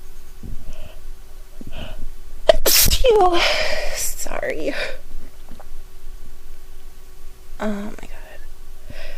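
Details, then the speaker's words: Female sneeze induced by sniffing an irritating soap, with tickling and badly watering eyes: quiet sniffing and a soft gasp, then one forceful wet sneeze, followed by quiet talk. "I'm going to sneeze again it tickles my God my eyes are watering so badly"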